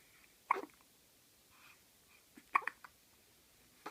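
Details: Twin baby with hiccups: two soft, sudden little catches about two seconds apart over quiet room noise; infant hiccups.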